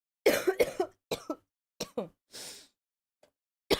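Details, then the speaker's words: Adult who is sick and has been coughing a lot all day, unable to sleep for coughing: a run of several short, dry coughs in quick bursts, then a sniffing breath and another cough starting. "I just keep coughing a lot and it's like I prefer not to talk too much."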